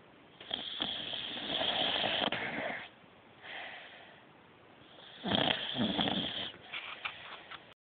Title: Snoring puppy